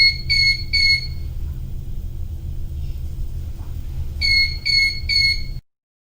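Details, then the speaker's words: Two sets of three clear electronic beeps over low machine rumble from a Bio-Med Devices TV-100 transport ventilator; medium-priority alarm (button flashing red at 0.5 Hz), signalling a condition requiring immediate attention. "medium priority alarms signal a condition that requires immediate attention from the user medium priority alarms are indicated by flashing the alarm button red at a frequency of 0.5 hertz and will make this"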